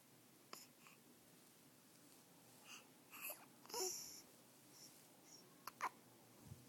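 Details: Baby with hiccups: a few soft, sudden catching sounds against quiet room noise; parent notes the baby also hiccuped in the womb.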